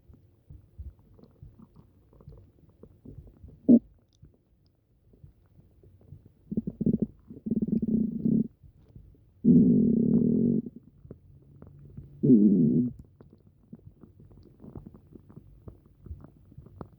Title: upset stomach rumbles